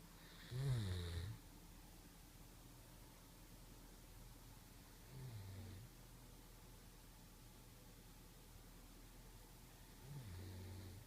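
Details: Senior 9-year-old German shepherd dog napping on a couch with a pillow: three low fluttering snores about five seconds apart, the first louder with a nasal whistle, over steady room hiss; snoring.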